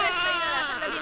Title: baby cry again...